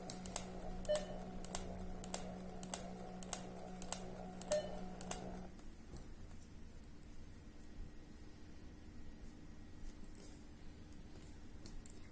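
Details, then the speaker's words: MedRena UniFusion VP50 Pro infusion pump running an automatic bolus (bolus VTBI and rate entered, stops after 1 minute): repeated short clicks and beeps over a steady tone, then quiet. "press bolus on the screen in this page enter Bowers vtbi Bowlus rate the palum automatically calculates the Bowers time then press Start Bowers the Bowers start and will stop after 1 minute"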